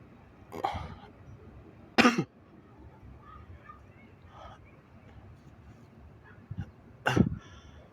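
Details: Person (he/they) recorded close up with the nose uncovered, nostrils tickled to provoke sneezing; three sharp, wet, explosive nasal bursts with quiet breathing between; sneezes.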